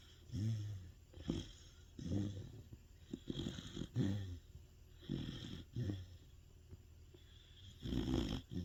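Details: Loud, rough snores with each breath, about seven in under nine seconds, from a large sleeping Sapsali dog. This is ordinary dog snoring.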